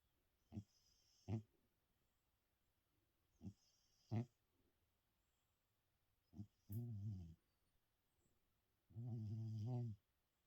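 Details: An ageing sleeper who has always snored, with the snoring growing louder with age: low rumbling snorts during sleep in a quiet room, some drawn out into longer rattling snores.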